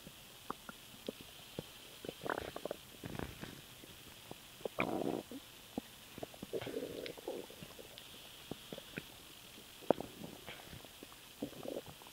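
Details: Stomach noise after swallowing air: quiet clicks and short gurgling bursts of gas moving through the gut, ordinary stomach rumbling consistent with borborygmi.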